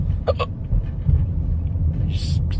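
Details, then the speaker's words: Two sharp, quick hiccups close together over low rumble and background music; the hiccups came on again for no known reason. "I got I got the hiccups again. [Music] Not sure why I got them."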